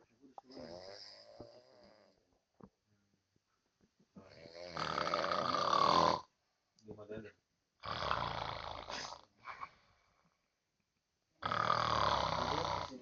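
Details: Loud, rough snores in irregular bursts separated by quiet pauses, from a person sleeping; heavy snoring.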